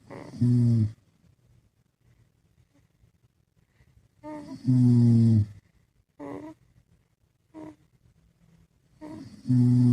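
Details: Loud, low, rattling snores in slow cycles, about 13 a minute, with quiet pauses between; ordinary snoring in sleep.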